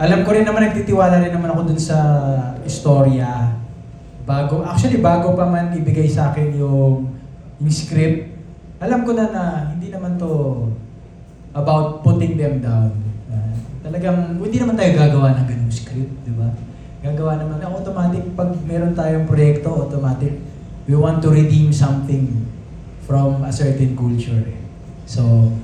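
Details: Adult man; typical speech.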